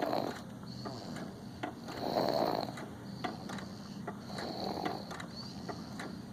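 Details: Snoring in a 7½-month-old infant: soft, rough, fluttering noises on each breath, about 26 a minute, with room noise in the background.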